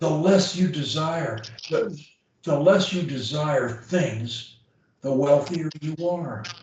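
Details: Adult man; Typical speech.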